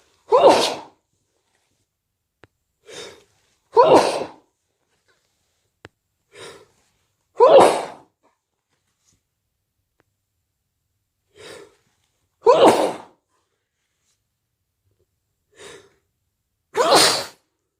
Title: cold sneezes and blows at day 2